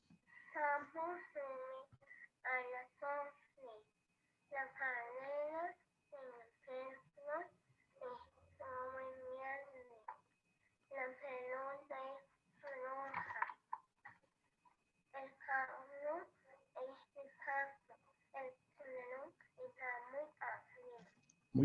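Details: Child with velopharyngeal insufficiency recorded before treatment: hypernasality with nasal emission and compensatory articulations.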